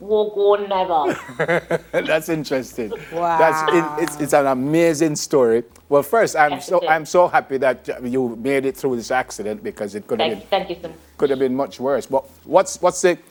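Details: Adult speaker; typical speech.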